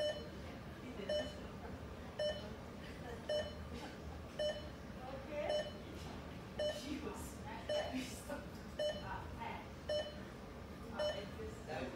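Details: A bedside cardiac heart-beat monitor in an emergency room beeps steadily at about 55 a minute, one beep per heartbeat, with faint room noise behind.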